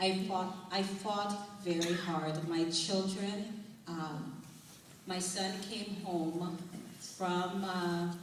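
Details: Adult woman with foreign accent syndrome of sudden onset after a night episode resembling a heart attack or stroke in November 2004, following six months of speech therapy; a relative mistook her for Jamaican; reading scripture; foreign accent syndrome.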